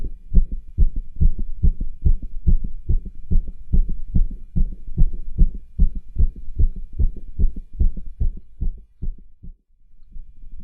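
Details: Auscultation of the heart with a cardiology stethoscope over tricuspid, aortic and pulmonic areas while he does pushes to intensify the heartbeat: rapid regular beat near 146/min with rough blowing murmurs and rubs, clearest over pulmonic area.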